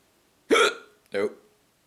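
Two loud, abrupt voiced gulps in close succession, each a sudden catch of breath with a short vocal sound; hiccups.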